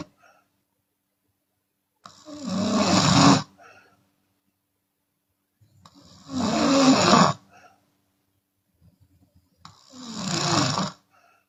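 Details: Chinese woman, open-mouth snoring with exhale sometimes: loud, harsh rattling snores about every four seconds, roughly 15 a minute, separated by quiet pauses.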